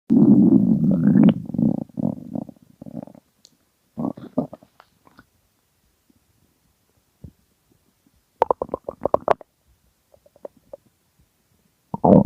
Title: Extremely Hungry Stomach Growling